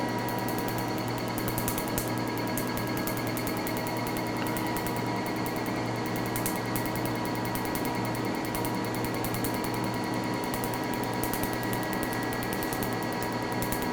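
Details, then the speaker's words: Picosecond laser tattoo removal session on the forearm, overlapping shots showing firing speed and spot width, ink turning grey without bleeding: rapid steady clicking buzz of laser pulses with a constant hum. "Donc là vous voyez à peu près la rapidité du tir, la largeur des spots."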